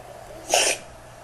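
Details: Dog sneeze, recorded in slow motion: a single short, hissing nasal burst over steady background hum.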